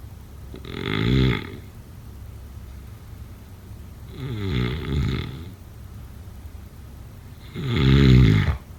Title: Snoring sounds… #6